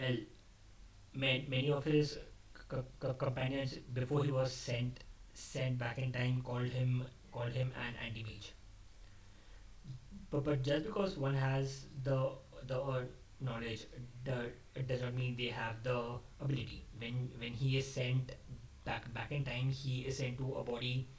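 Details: Adult male who describes himself as a stammerer, speaking off the cuff after abandoning a script, which he says increased his stammering; word repetitions audible; stuttering.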